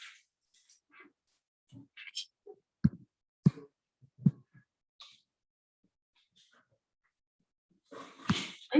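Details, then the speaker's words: An adult teacher recording a lesson gives one loud, forceful sneeze after scattered soft room sounds and knocks; describes the sneezes as now sounding like a bomb; sneeze. "have this dainty little sneeze and now every time i sleep sneeze it sounds like a nuclear bomb going off yes awful"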